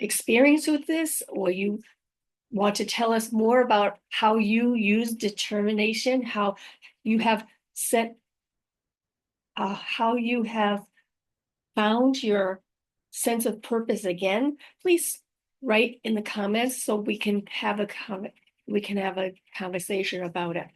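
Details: Female host living with aphasia after a stroke, also mentioning apraxia of speech and dysarthria; unedited recording keeping pauses and mistakes, made on a good day, in the morning; aphasia.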